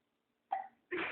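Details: Two abrupt, short throat sounds about half a second apart, sudden onset and quick fade; hiccups.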